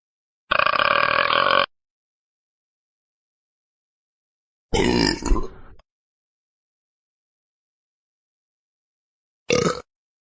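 Three loud burps separated by silence, the middle one long and rumbling: belching, from a sound-effect recording.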